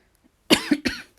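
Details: Two short, dry coughs in quick succession, each with a brief voiced tail, in a quiet room: a tickly cough from a cold.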